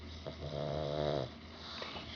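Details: A sleeping pug's loud snoring: one low, rattling, buzzing snore about a second long; snoring in a small flat-faced dog.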